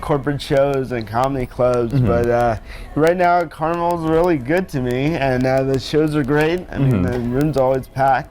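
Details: Adult man born with cerebral palsy, who says he sounds a little different because of it; dysarthria (cerebral palsy).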